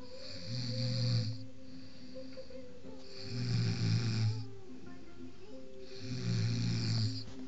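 Deep, rumbling snores about every three seconds, three in this stretch, with faint background music. Ordinary snoring.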